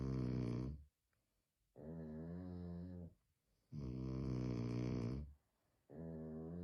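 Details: Two sleepers snoring in sync: two loud alternating snores, one deep and one higher-pitched, taking turns with short silences between.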